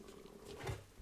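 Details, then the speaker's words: A brief low gurgling rumble rises and fades in a quiet room: stomach rumbling (borborygmi) in an adult who has not eaten yet. "please excuse my stomach rumbling if you can hear it I just haven't eat yet"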